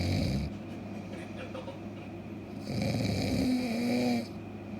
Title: I like snoring gumbo style